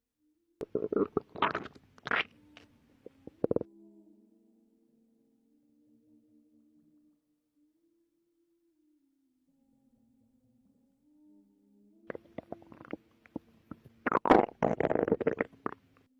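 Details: A pregnant woman's belly recorded before contractions began: bubbly gurgles and long, drawn-out growling tones with quiet gaps between. Ordinary bowel sounds, stomach growling.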